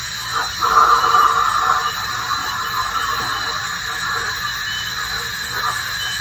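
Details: Dental hygienist cleaning teeth, removing tartar and plaque at a dentist visit: steady high-pitched whine with intermittent squealing over room hum and water spray from an ultrasonic dental scaler.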